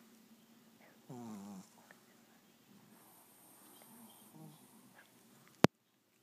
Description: My sweet 6 1/2 year old Shih tzu doesn't bark, but snores when she sleeps on her back...too funny!